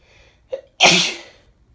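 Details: Female with bad summer hay fever: a short indrawn breath, then one forceful sneeze.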